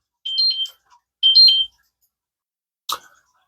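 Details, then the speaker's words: Continuous glucose monitor alarm from a sensor worn on the arm that is reading incorrectly, about 150 points off: two short high-pitched electronic beep bursts followed by a faint click. "Yeah, don't mind the beeping. That is my lovely glucose sensor that is not reading correctly right now."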